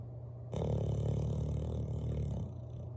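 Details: Bulldog snoring by the fireplace: a long, very loud, deep rumbling snore with a growl-like rattle.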